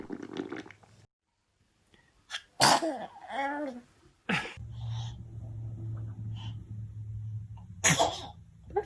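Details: A baby sneezes twice in quick succession, short sharp bursts of air, with a brief cry-like sound and an adult voice between; baby sneezing.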